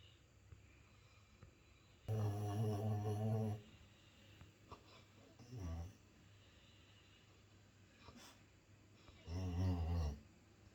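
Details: Sleeping Labrador dog in deep sleep: two long, deep, buzzing snores with a shorter one between, over quiet room noise: snoring.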